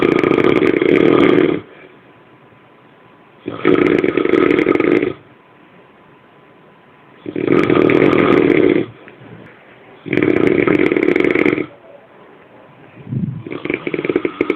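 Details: Loud, harsh, rumbling snores in long bursts about every three seconds, with quiet gaps between; heavy snoring during sleep.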